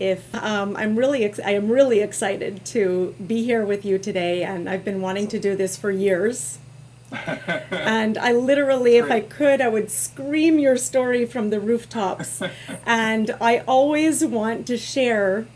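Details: Adult woman speaking; normal speech.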